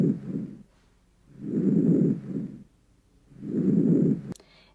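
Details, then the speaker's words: Normal vesicular breath sounds heard over the peripheral lung base: soft, low-intensity, low-pitched rustling, louder and best heard on inspiration, at about 30 breaths a minute. "El primero es el murmullo vesicular. Este es de baja intensidad, con tono grave y se encuentra en la base del pulmón periférico. Se escucha mejor durante la inspiración."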